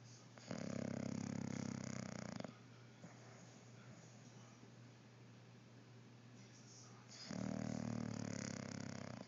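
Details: Snoring: two long, loud, rattling snores about five seconds apart, with quiet breathing between them.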